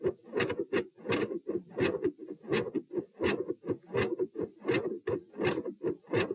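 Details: Heart sounds recorded at position P while standing: regular heartbeat near 82 per minute with a soft extra sound just after S2 each beat, a third heart sound (S3).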